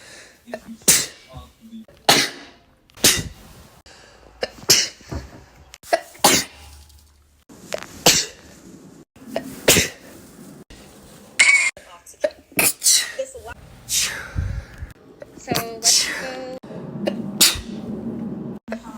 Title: sneezing for a minute pt.4